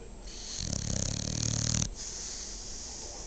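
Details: Female dog snoring during sleep: a single low, rattling snore on an in-breath with quieter breathing around it.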